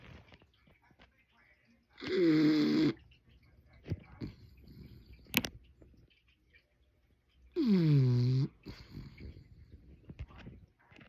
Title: Bulldog Snoring! #bulldog #funnydogs